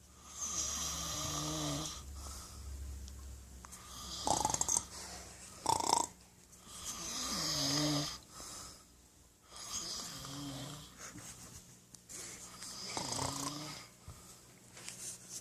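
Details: Man asleep on a couch snoring: repeated rattling snores on each breath in, about four breaths a minute, with snorty, sputtering bursts on breathing out; ordinary loud snoring.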